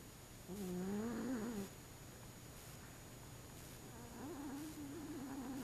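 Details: 25-pound fat cat snoring loudly while sleeping during the day, filmed on an action camera; snoring.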